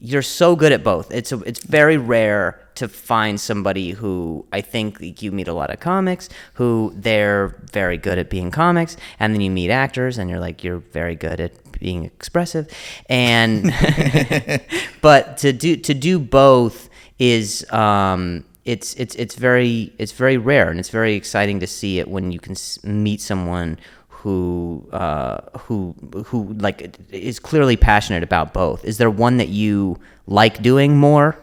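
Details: Stuttering in an adult male comedian who is known for his stutter, speaking as a podcast host.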